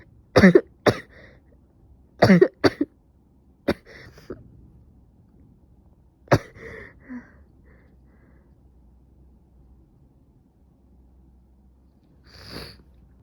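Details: Person with a suspected cold (stuffy nose, sneezing, severe headache since waking, now fever): several sharp, harsh coughs in short pairs, then a throat clear and a sniff, in a quiet room; cough.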